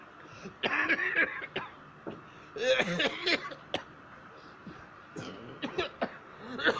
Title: Poor woman and man coughing. Just a sound.